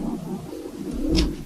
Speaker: Oh my gosh, my dog. I'm sorry, you can hear her snoring.